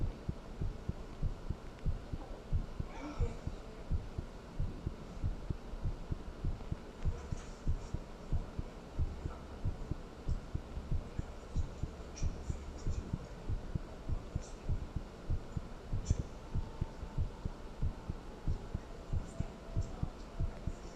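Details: Steady low heart thumps at about 94 beats a minute with faint hum and occasional background sounds, recorded after talking with someone and then thinking about them: normal heartbeat.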